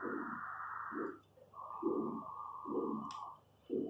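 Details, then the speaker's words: Right distal superficial femoral artery at Hunter's canal, in a leg with femoral stenosis and popliteal occlusion: soft, dull single whooshes at about 67 a minute. This is a damped, monophasic post-obstructive arterial Doppler signal. "Y seguimos con estos patrones posobstructivos característicos, aunque no le veamos la pendiente de aceleración corrida a la derecha, igualmente es un posobstructivo."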